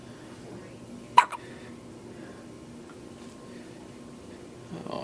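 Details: A single sharp, brief hiccup from an infant against a quiet room; she is looking up.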